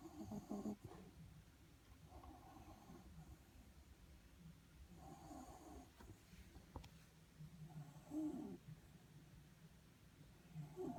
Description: Shiba Inu sleeping under my desk snoring away